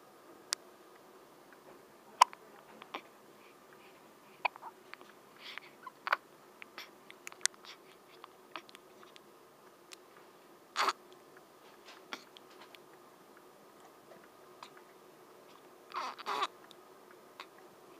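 Brief, sharp, involuntary clicking gulps recur at irregular intervals against a steady low room hum.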